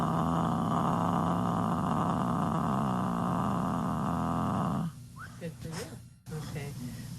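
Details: Hypokinetic dysarthria in a person with Parkinson's disease, from a speech therapy recording with pre- and post-treatment samples. Sustained 'ah' vowel held as long as possible. Patient reports not speaking loud enough, stuttering and not being heard.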